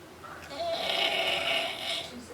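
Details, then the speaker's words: Drunk man passed out after drinking liquor, snoring during sleep: a single loud, drawn-out, hoarse snore lasting over a second. "This is what happens when you can't hold your liquor. Your ass get knocked out, fall out, and snoring like a motherfucker."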